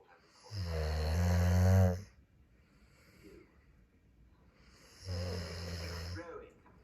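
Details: Snoring while a TV show plays: two loud, low, rattling inspiratory snores with a quiet pause between them; ordinary snoring.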